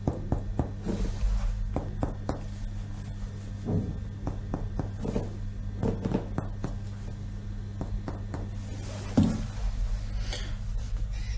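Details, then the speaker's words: Chest percussion during a lung exam: short dull taps, often in pairs, with one hand flat on the chest wall, middle finger in the intercostal space along the ribs, struck by the other hand like a piano key. "pour la percussion il est important que la main épouse la paroi thoracique le troisième doit doit être dans laxe des côtes dans l'espace intercostal et avec l'autre main enfin mouvement une touche de piano pour percuter"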